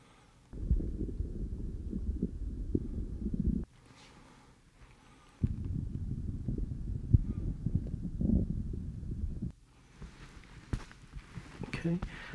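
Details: Normal bowel sounds: low rumbling gurgles heard over the abdomen with an Eko electronic stethoscope, patient supine with knees bent, during an OSCE-style GI physical exam demonstration.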